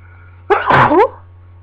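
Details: One loud, sharp sneeze with a voiced cry-like release over a steady low room hum, from a person with a lingering cold.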